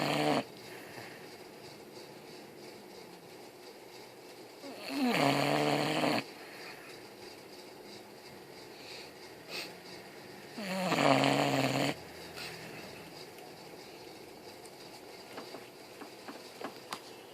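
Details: Female boxer dog napping after a long day of playing: two long, loud, rattling snores about six seconds apart, with quiet room noise between them; dog snoring.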